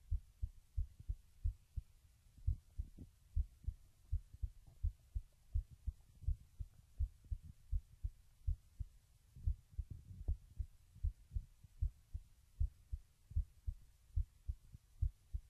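Regular soft low thumps, roughly 80 beats a minute, over a faint hum; a steady normal heartbeat.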